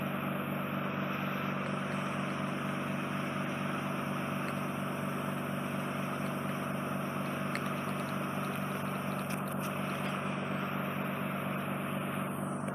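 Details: Endoscopic microsuction removing soft, wet wax coating an inflamed, tympanosclerotic eardrum, heavily scarred at the back; continuous loud hissing suction with a steady low hum as wet wax is cleared.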